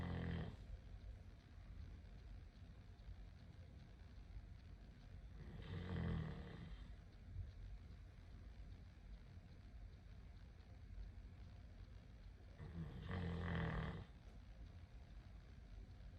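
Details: Deep, rumbling snores about every seven seconds, roughly 8 to 9 a minute, with quiet breathing between, from a sleeping puppy tagged as a mastiff or Great Dane; snoring.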